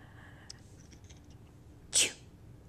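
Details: A single sharp, hissing human sneeze (possibly fake) in a quiet room, the kind that annoys the household cat.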